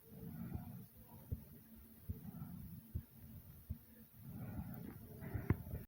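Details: Heartbeat, steady low thumps at about 75 a minute, under loud rushing, somewhat hard breathing right after jumping in place for a while; heartbeat with heavy breathing after exercise.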